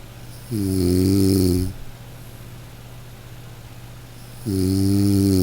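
Two long, low, buzzing, voiced snores separated by a quiet pause, over steady background hum; ordinary snoring.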